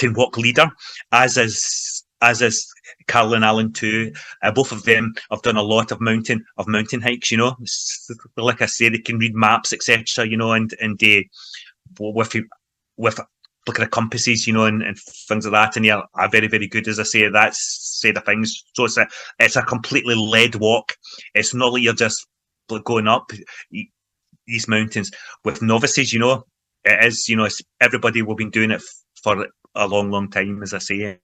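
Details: Adult man who stammers, involved in the stammering self-help movement for over 25 years, in everyday conversational speech; stuttering (stammering).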